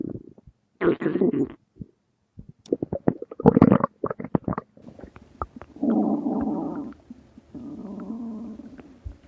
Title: stomach growling 🥰 (oc for @thewhiterabbit401) ❤️